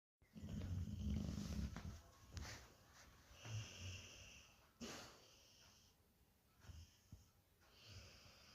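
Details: Sleeping Bhotia (pahadi) dog taking very big snores: a loud rumbling snore, then softer snuffling breaths with brief whistly hisses; snoring.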